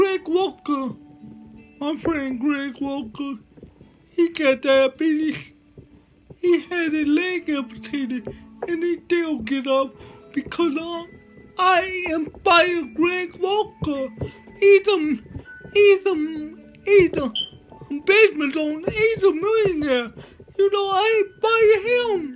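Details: Dysarthria in a male motivational speaker with cerebral palsy.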